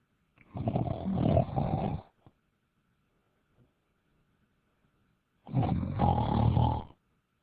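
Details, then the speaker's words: Man snoring during a Skype call: two long, loud, rough snores on the in-breath separated by a quiet pause, with faint room noise; snoring. "what's up bozo hello you there wake up are you snoring oh my god um"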